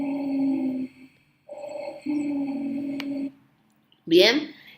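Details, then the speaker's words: Low, snoring continuous sounds with breaths, played as a teaching example of rhonchi from mucus obstructing the airways, as opposed to wheezes from bronchoconstriction; rhonchi. "Y eso que escucharon, chicos, es el roncus. Es como lo que me disminuye, me hace obstrucción al paso del aire es el moco."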